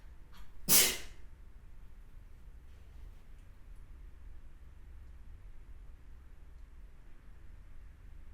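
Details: A single sharp sneeze followed by quiet room noise; sneeze.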